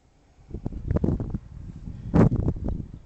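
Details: Snoring while asleep in a boat in a harbour: low, rough fluttering breath noises in uneven bursts.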